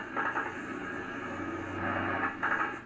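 Noisy breath sounds with low, bubbling pops during breathing, consistent with coarse crackles.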